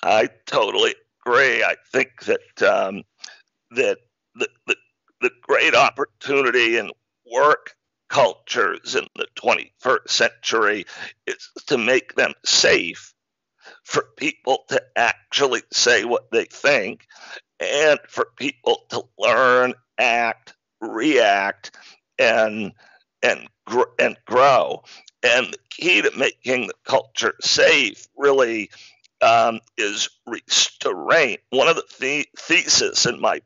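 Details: Adult man with spasmodic dysphonia, a rare neurological speaking disorder causing partial voice loss; onset around 2010, diagnosed 2012, much improved over a decade though still affected: spasmodic dysphonia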